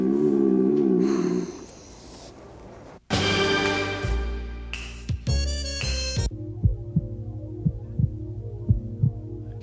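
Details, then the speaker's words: Normal heartbeat, steady paired lub-dub thumps at about 57 beats a minute after a burst of music. "that it's the sound of a heartbeat people say it goes lub dub"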